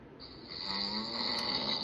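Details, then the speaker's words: A woman recorded herself snoring in her sleep: a single drawn-out, harsh, whistling breath with a rough low rattle; loud snoring. "El audio que acabo de enseñarles soy yo arroncando. Literalmente no me lo puedo creer, pero tuve la necesidad de comprarme esto."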